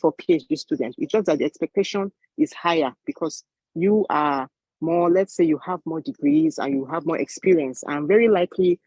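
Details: Adult speaker; Typical speech.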